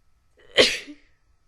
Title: sneezing 1